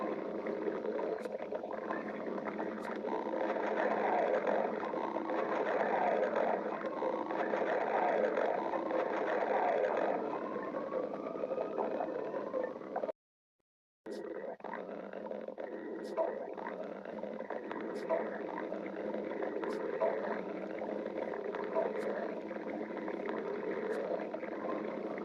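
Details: Continuous gurgling, rumbling abdominal sounds with bubbling and squeaky rises; ordinary stomach growling (borborygmi).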